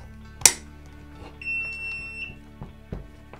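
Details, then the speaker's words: Sharp click as the battery seats into a Philips HeartStart FRx AED demonstration unit, then a steady high beep as the device begins its self-test. "Now just so you know, once I do this it is going to start a self-test that can take up to a minute. I am going to skip that step so that you can hear me, but if you are doing this at home or at your business, you want to do that step. So we are going to press until we hear it click"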